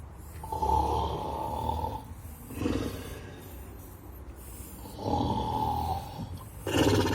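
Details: Artificial snoring from the "Snoring Giant" art installation at a 2019 festival in Zagreb: loud, rough, rattling snores recurring every two to three seconds over low outdoor background noise.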